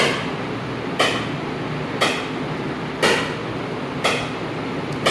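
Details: ESWL lithotripsy for a roughly 13 mm left kidney stone, patient lying still and relaxed: sharp cracking shock-wave clicks about once a second, roughly 59 a minute, over steady machine hum.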